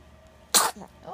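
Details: Single sharp, airy burst with soft breaths after from 3.5-week-old baby boy who also has hiccups; infant sneeze.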